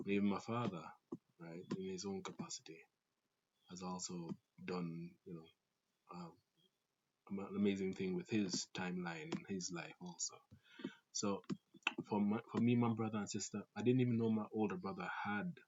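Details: Stuttering in an adult Jamaican man who reports a stutter inherited through his family (grandfather, father, siblings), a fast speaking rate, and a sore throat that day; stuttering.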